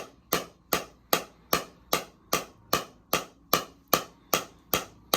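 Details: Second shockwave therapy session on a runner's left SI joint, hip and lower back at a chiropractic clinic; history of sciatic nerve damage. Sharp, evenly spaced tapping pulses at about 150 a minute; patient rates pain about 7.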